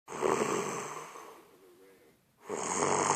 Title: Extremely Loud Snoring